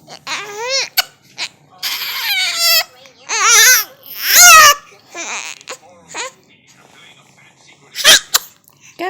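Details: Baby crying in a recording that also has yawning and sneezing: short high wailing cries and fussing, ending in a quick sharp sneeze-like burst; infant crying.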